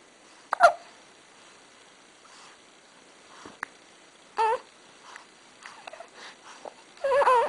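A few brief, abrupt catching sounds spaced seconds apart in a quiet room: hiccups.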